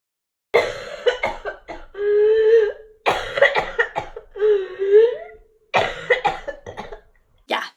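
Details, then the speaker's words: Adult woman, vaccinated, with whooping cough, not febrile, coughing to the point of vomiting: rapid runs of harsh coughs broken by long, high-pitched whooping in-breaths, typical of pertussis. "I'm going to play the clip here of wash my whooping cough sounded like it's very grin so if you're just a bit sensitive to horrible noises I would fast forward but here we go"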